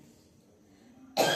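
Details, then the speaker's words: Simulated, acted cough from a mother in a comedy skit: quiet room, then one sudden harsh cough burst at the end, cut off mid-sound; she has been unwell with a cough, and her daughter says the doctor forbade her ice cream. "Mummy कितना खासी हुआ आपको समझ में आता है नहीं"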